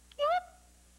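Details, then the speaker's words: Simulated vocal tic from a 1989 TV courtroom drama: an acted sudden, brief, high-voiced yelp with rising pitch by a witness who says he has Tourette syndrome, a neurological disorder causing sounds, words or twitches he cannot control for long. "why did you just make that sound I have Tourette Syndrome would you tell the court what that is it's a neurological disorder it causes me to make sounds or say words or Twitch in different ways"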